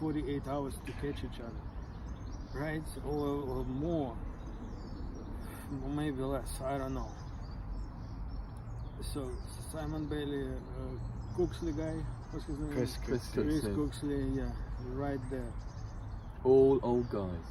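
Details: Adult participant in a stuttering discussion group, who learned stammering techniques from a therapist; stuttering.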